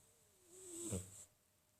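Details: Sleeping female Sphynx cat gives a single quiet snoring breath with a faint whistle and a soft low rumble.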